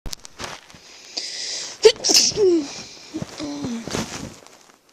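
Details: Adult doing deliberate unstifled sneezes on request, turned off to the side: a few loud, open sneezes, each a sharp burst with a voiced tail.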